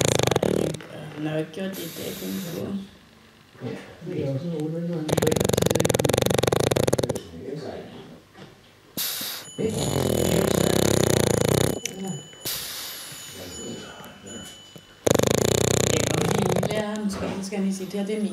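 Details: A dog sleeping heavily snores with loud, irregular fluttering snores alternating with snorting breaths; brief background voices; snoring.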